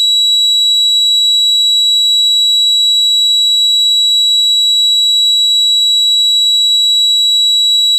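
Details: Sound effect simulating tinnitus, labelled 300, not a real patient recording: steady, piercing high-pitched ringing tone with faint hiss, unchanging throughout.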